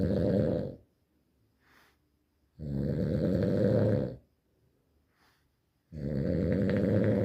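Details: Heavy snoring: loud, rough, rattling snores on each in-breath, about one every three to four seconds, with quiet out-breaths between them.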